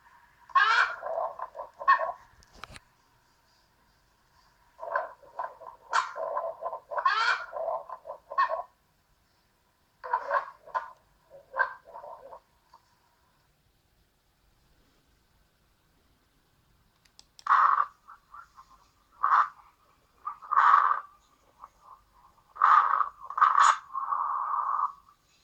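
Bursts of high, whistling musical sounds come with the breaths, typical of wheezing from narrowed small airways.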